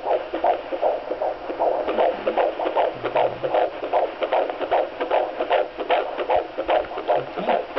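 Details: Fetal heartbeat at 14 weeks of pregnancy on a handheld Doppler: rapid, regular whooshing pulses at about 154 beats a minute.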